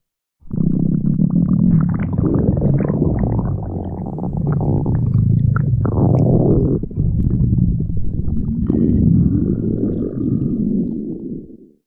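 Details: Long, loud, low rumbling growl with a gurgling texture picked up on a microphone: stomach growling, gas and fluid moving through the gut.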